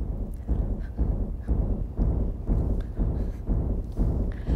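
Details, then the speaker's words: Simulated doubled heart rate: regular low thumping beats at 120 per minute, twice a resting 60, illustrating a childhood arrhythmia that sporadically doubled the heartbeat; simulated rapid heartbeat. "so if you're sitting down at 60 beats per minute this is 60 beats per minute and if that was doubled you'd get 120 beats per"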